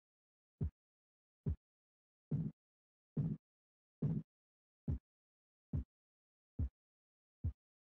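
Nine soft, regular low thumps at about 71 a minute, rising then fading in loudness over silence: Korotkoff sounds during cuff deflation.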